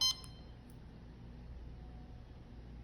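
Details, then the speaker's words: CADD Prizm infusion pump: single short electronic beep as the pump starts after tubing priming and pressing Y to start, then quiet room noise; infusion pump start beep. "we're going to hit n for no and we're going to go ahead and press y for yes to start the pump"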